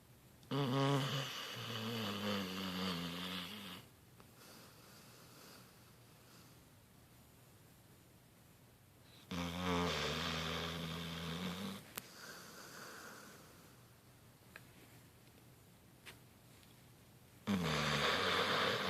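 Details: Long, loud buzzing snores about every eight seconds, roughly 8 breaths a minute, from a sleeping Talbot hound dog; ordinary snoring.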